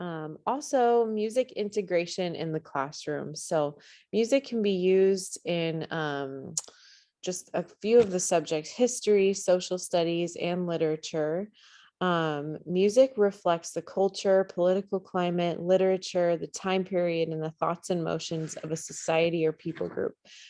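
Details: Adult woman speaking; normal speech.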